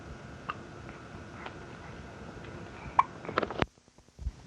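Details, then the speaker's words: Three-month-old baby girl with hiccups, recorded on a 1988 home audio tape: brief, sharp catches in breathing at irregular intervals over tape hiss. "Say, right now I have the hiccups. Yes, I do. I have the hiccup now."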